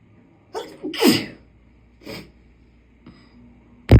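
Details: Woman with itchy allergies sneezing: a sharp, forceful sneeze preceded by an inward breath, then a softer second sneeze and quiet breaths.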